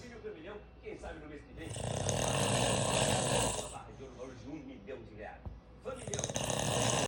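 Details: Heavy snoring from a sleeping adult father: two loud, rattling snores separated by quieter noisy breathing, faint background sound.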